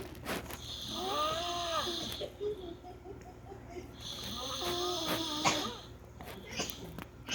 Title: My father snoring and sleeping